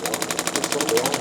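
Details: Radial shockwave therapy applicator on the lateral leg of an adult male chiropractor with a running injury: rapid, regular mechanical tapping pulses, about twelve a second.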